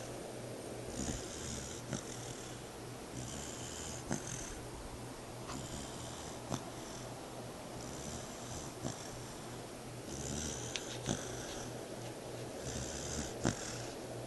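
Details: Soft, regular snoring from a sound-asleep 4-month-old pit bull puppy, about 25 breaths a minute, each with a faint hissing rattle.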